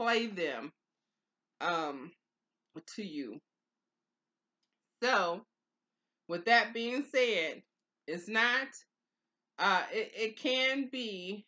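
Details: Aphasia after stroke in an adult woman, two years and four months into stroke recovery, who early on could not say the words she intended.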